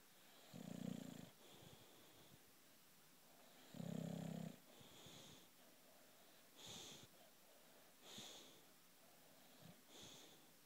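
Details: Sleeping British bulldog: loud rough snores on inhaling with quieter wheezy hissing breaths between, flat-faced dog's noisy sleep breathing; snoring.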